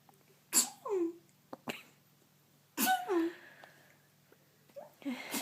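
Two sharp, forceful sneezes a couple of seconds apart, each with a voiced tail, then a partial third; a bout of repeated sneezing.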